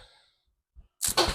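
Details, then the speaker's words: Bonesetting session on an adult man with lower back pain and a stiff neck causing shoulder pain: soft thump then two quick loud cracking pops after inhale–exhale cues; joint cavitation during spinal manipulation. "Ow! Daming lagutok. Lumambot na talaga, no?"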